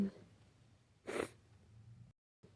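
A brief voiced sound, then one forceful, wet sneeze-like burst and a short silence. A sneeze with flu.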